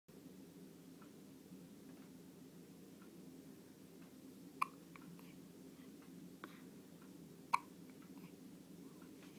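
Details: Hiccups, with sneezes also reported: a few short, sharp catches at irregular intervals in a quiet room.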